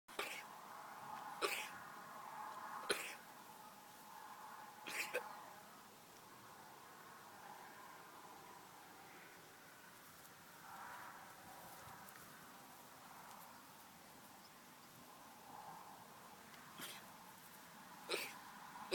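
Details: A sheep in Galway, Ireland, coughs about six times in short harsh bursts against steady outdoor noise.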